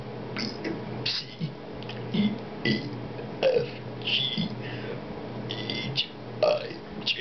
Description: My Friend burping the abc's. Enjoy!